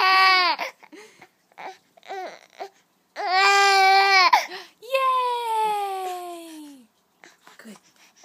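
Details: Infant crying during tummy time while being helped with his arms: fussy whimpers building to long, loud wailing cries; ordinary protest cry, probably tired.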